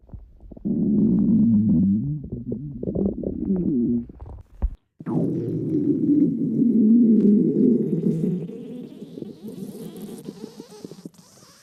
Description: My stomach is not feeling well today, and it's making a lot of noise.